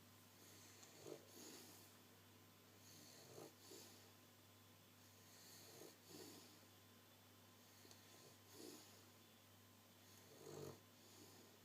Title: snoring away lol..